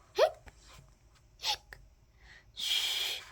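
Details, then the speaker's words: Two short, sharp, acted (simulated) hiccups about a second apart, then a drawn-out hushing noise, during a read-aloud children's story about a character with hiccups. "per he had hiccups quick get a cup cup of water said Lee did that get rid of the hiccups said Lee hick said ker drink it like this said Biff"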